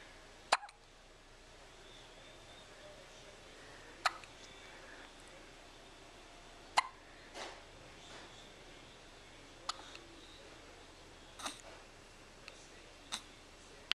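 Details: Nine-day-old baby: sharp, brief hiccups every few seconds, about ten a minute, irregularly spaced, in a quiet room; a bout of hiccups.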